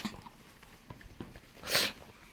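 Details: Sneeze from a dog (female).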